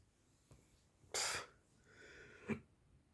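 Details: Sneezing in an adult with hiccups after drinking too much wine: one short, sharp, hissing sneeze-like burst, then a faint breath and a small vocal catch.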